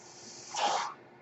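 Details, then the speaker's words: Mechanical ventilator that a podcaster says is his own, audible in the background as he introduces his podcast: a mechanical ventilator breath cycle. "Hello, everyone. My name is. That noise you're hearing is my ventilator. And welcome to Page Turners They Were Not, my Star Wars podcast."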